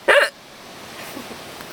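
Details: Person who had hiccups all day, recorded at a beach: one loud, abrupt voiced hiccup followed by quiet; a single hiccup.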